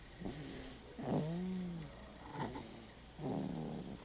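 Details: Rhythmic, slightly squeaky, tonal snoring recurring about once a second with the sleeping baby's breaths: infant snoring.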